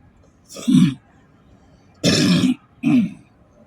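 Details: Three short, rough cough bursts, partly like throat-clearing, against a quiet background hum; coughing from a cold while driving.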